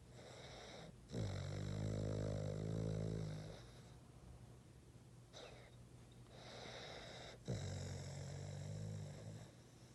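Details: Boston terrier snoring: loud, low, rattling buzzes on the breaths with softer snorts between them, typical of a flat-faced dog.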